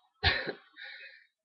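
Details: A single sharp cough, then a softer trailing clearing of the throat, from a speaker who says he has a cold that is affecting his voice.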